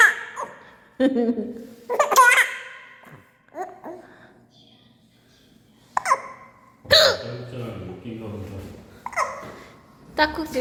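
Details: Mother hiccups, baby laughs and then starts hiccuping too: sharp, brief hiccups mixed with the baby's laughter and an adult voice.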